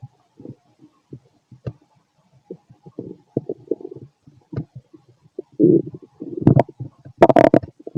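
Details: Fit adult male abdomen after a bowel movement: irregular low gurgles and bubbling rumbles growing louder toward the end; active, normal bowel sounds (borborygmi).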